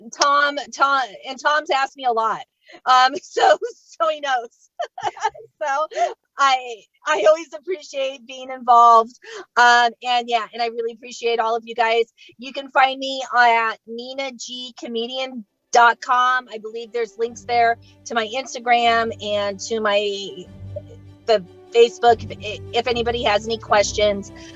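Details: Adult female comedian who states she stutters and does not fake her stuttering, real stuttering in a live comedy set; stuttering.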